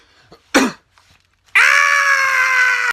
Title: That painful sneeze that make you feel like you died for a second